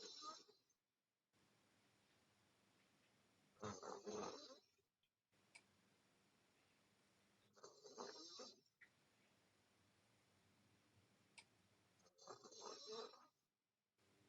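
Three rattling, fluttery snores on breathing in, with quiet pauses between, about 13 breaths a minute in a quiet room. Snoring.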